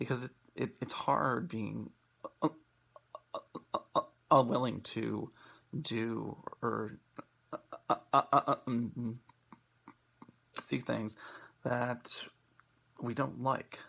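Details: Adult male speaker; stuttering.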